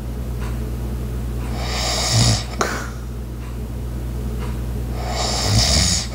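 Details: Light snoring: two soft, rough inspiratory snores over low room hum with a brief tap between, with ice maker, clock and walking sounds in the background.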